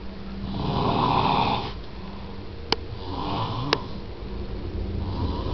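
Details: An adult man, the father, snoring (not the child); rough, rattling snores on each breath, about three in five seconds, with two sharp clicks between: ordinary snoring.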